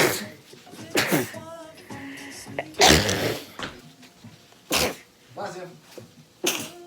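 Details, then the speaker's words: Repeated sneezing during allergy season: several sharp, explosive sneezes in a row, with voices and music in the background. "okay just gonna sneeze oh yeah i try it's hard"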